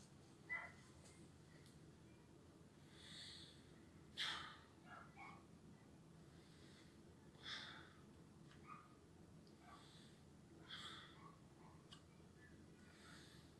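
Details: Soft, quiet breaths at about 16 a minute over steady background noise; normal breath sounds on auscultation of the anterior chest lung fields.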